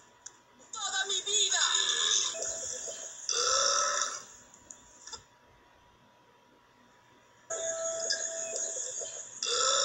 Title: Burps compilation 23